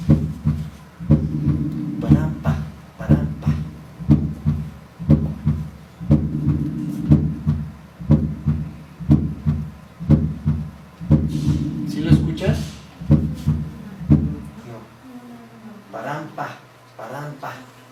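Regular heartbeat near 60 a minute with an extra soft low thud just before the first sound: S4 gallop.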